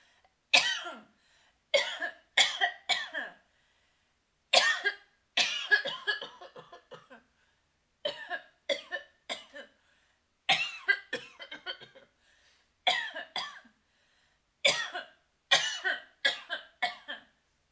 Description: The sounds of a female coughing.